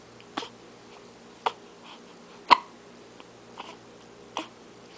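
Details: Five brief, sharp catches about a second apart in a quiet room, in the morning: repeated hiccups that seem to upset him; he is offered his finger to suck.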